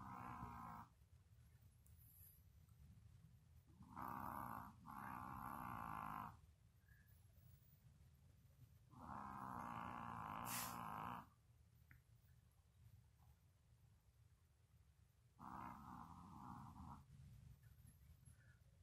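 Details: Sleeping Yorkie dog: long, rough, rumbling snores recurring every few seconds with quiet breathing between; snoring.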